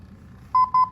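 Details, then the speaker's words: Defibrillator on proposed settings, louder and without ventilation voice prompts, in a demonstration: two loud, steady electronic beeps marking shock advised/push to shock. "you'll notice it's much louder and then it also does not have the voice prompts for providing ventilation"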